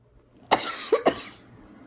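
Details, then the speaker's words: Adult coughing spasm of about three quick bursts, the first strongest; the person is still recovering from illness, with a hoarse, ratty voice. "rry, had a coughing spasm. Still not completely well. You can tell by my voice. It's kind of ratty."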